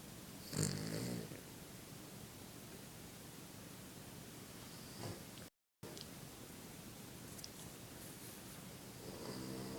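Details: A sleeping dog lying on its back: intermittent low, rumbling snore sounds over steady room noise; snoring.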